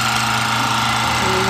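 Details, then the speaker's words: Electric ear wax irrigator (Tilcare kit) running on its high setting, flushing a man's ear after wax-softening solution sat 10 minutes: loud, rough, rapidly pulsing motor buzz; he says it feels like a jackhammer in his ear; small wax particles seen. "oh it feels like a jackhammer in my ear"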